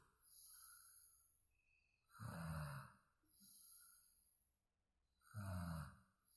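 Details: Sleep snoring: deep, rattling snores on each breath in, with quieter breaths out, roughly 19 breaths a minute; ordinary snoring.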